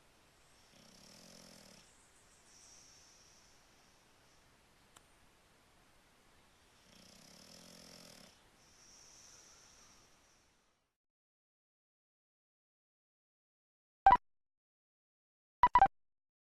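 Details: A bulldog snoring while cosy in the owner's bed: slow, regular snores with a soft rattle on each breath in and a faint whistle on each breath out, then two sharp clicks.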